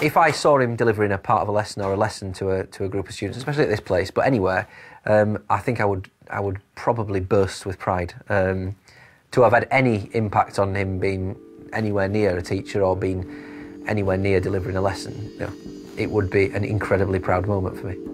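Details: Adult male speaker; fluent speech.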